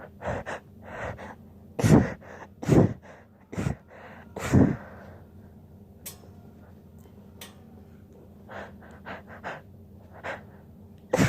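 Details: Suppressed sneezing: several sharp, stifled bursts with quick catching breaths, then quieter snorting puffs as she holds back her sneezes.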